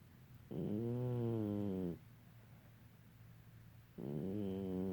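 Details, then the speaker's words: A mother snoring while asleep: two long, rough, buzzing breath sounds about three seconds apart, with quiet between them; snoring. "Hi, Mama. Did you know you was snoring? Did you know?"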